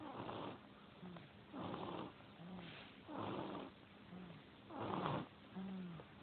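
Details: Someone sleeping and snoring loudly, like a bear; rhythmic, rough snoring at about four breath cycles in six seconds, with a soft whistling tone between the noisy breaths.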